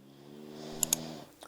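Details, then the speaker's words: Faint, soft, drawn-out humming snore from a sleeping dog in a quiet room, two brief clicks over it. "I'm so sorry if you can hear Frenchie snoring in the back"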